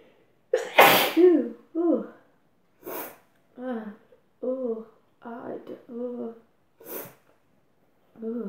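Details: Adult sneezing after inhaling chhinkni snuff: a forceful sneeze followed by sharp sniffs and breathy, strained voiced sounds; snuff-induced sneeze.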